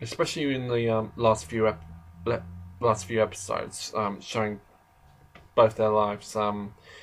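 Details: Adult male who describes himself as slightly stammering, in natural conversational speech; stuttering.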